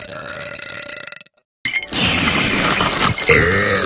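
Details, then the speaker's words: Cartoon burp from an animated female character's celebration burp: a loud, rough, drawn-out belch with music before it. "that was my celebration burp oh okay here's mine"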